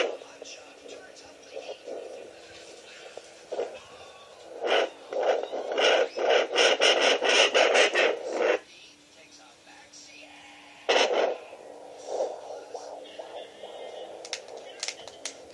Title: 30 week fetus heart beat